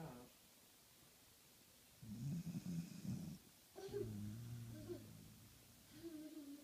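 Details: Beagle dog snoring while lying on a couch, exhausted after playing all day.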